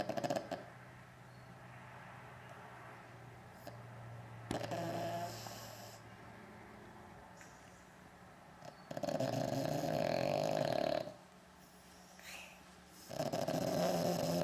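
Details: A sleeper who does not wake when called, making long, rough, rattling snoring breaths with quieter gaps between them over steady room noise; snoring.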